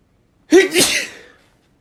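A quick in-breath, then one sharp, explosive sneeze that trails off.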